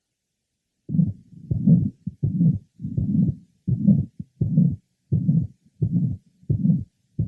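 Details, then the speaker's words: 66-year-old with mitral valve prolapse: regular heartbeat near 86/min, with a harsh, somewhat musical late systolic murmur beginning after a gap following the first heart sound. "note that there is a gap between the first hot sound and the onset of this murmur which is the lat part of Cy it is harsh but also has some musical [Music] qualities"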